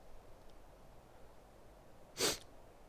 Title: I need sneeze